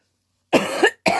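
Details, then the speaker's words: Adult with a worsening respiratory illness (sniffles, phlegm, COVID-negative household contact) gives two quick, harsh cough bursts in a quiet room. "I'm going to apologize now for any sneezing or sniffling or coughing that I might do like in a"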